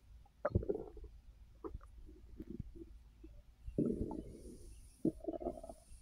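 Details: Adult resting on an overfull stomach after snacking: gurgling, bubbling rumbles from the belly in intermittent bursts; active bowel sounds (borborygmi) of digestion after a large meal.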